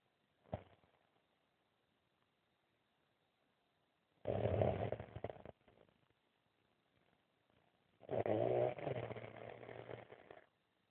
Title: Snoring asian 2